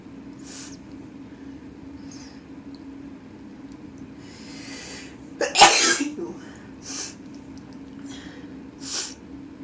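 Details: Person with a sneezy nose in winter: one sharp, explosive sneeze against a steady low hum, with softer sniffs and nose-blowing sounds around it; sneezing.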